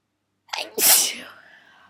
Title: morning sneezes (again)